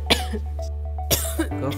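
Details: Cough.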